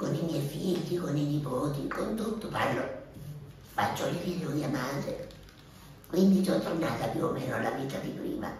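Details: Adult woman six years after total laryngectomy (larynx and vocal cords removed), speaking with a voice prosthesis fitted during the operation; she began talking almost immediately, though it took a little training: tracheoesophageal speech.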